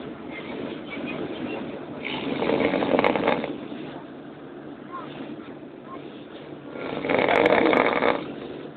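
Loud, rough snores on each breath in, about five seconds apart, like a rumbling engine.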